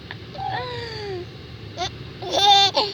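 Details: A baby laughing with hiccups: short infant squeals and cry-like vocal bursts with brief catches, heard against quiet room noise.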